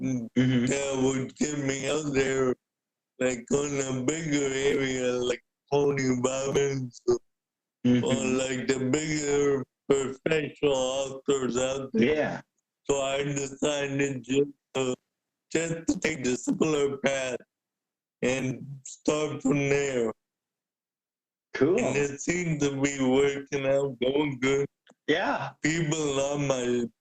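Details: Adult man with cerebral palsy present since birth, a wheelchair user with mainly physical limitations; speaking is noted as hard for him. Dysarthria (cerebral palsy).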